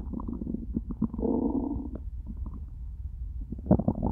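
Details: After eating nothing all day, the stomach growls loudly with low, gurgling rumbles and a sustained growl; stomach was starting to hurt by the end of recording; hunger borborygmi.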